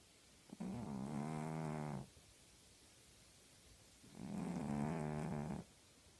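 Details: Two long, rattling, buzzy snoring breaths with a quiet pause between them from a sleeping female tabby cat.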